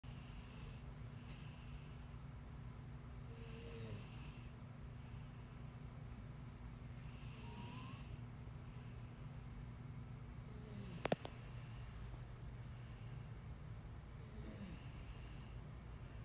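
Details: Snoring in a person sleeping beside someone who is trying to sleep: soft, regular snores on each breath in, about four breaths over sixteen seconds, with a steady low room hum.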